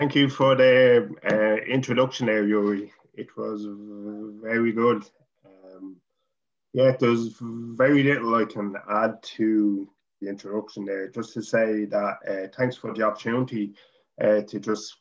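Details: Adult man from Dublin, Ireland, who stutters, former chairman of the Irish Stammering Association; stuttering.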